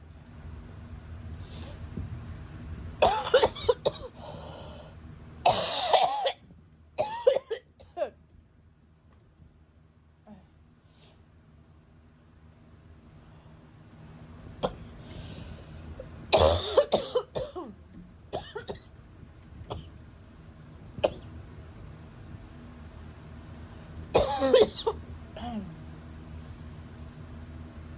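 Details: Adult with acute bronchitis, about 10 days after a summer head cold that moved to the chest. Repeated bouts of harsh, forceful coughing with quiet gaps between spells.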